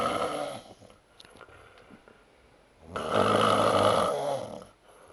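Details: Adult man's loud, rough inspiratory snores after Oktoberfest drinking, with quieter stretches between them in a small room.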